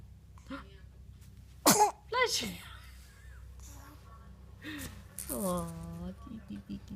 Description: Every time our 5 week old son sneezes, his arms fly up into his face.